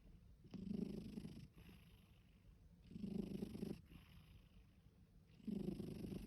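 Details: Soft rhythmic snoring from a sleeping ginger cat, about three breaths in six seconds, each a low rumbling inhalation with quiet gaps between; snoring.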